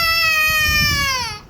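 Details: Baby crying in protest, refusing to drink from his feeding bottle and upset at not being allowed to pour the milk onto the bed: one sustained, high-pitched wail falling slightly in pitch as it fades.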